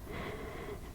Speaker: I think you might be able to hear my cat snoring in the background. It's kind of cute.